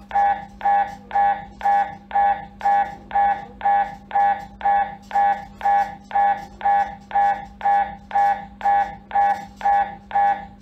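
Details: Loud, steady buzzing pulses at about two per second over a constant low hum; MRI scanner noise during imaging.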